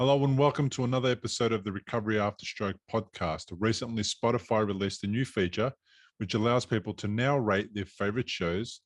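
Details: Adult male speaker; normal voice.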